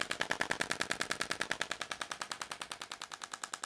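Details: Radial shockwave therapy at 3 bar, to numb tissue and give anti-fibrotic effect, on a hand with Dupuytren's contracture; rapid, regular sharp clicking bursts about 200 per minute from the radial shockwave device firing.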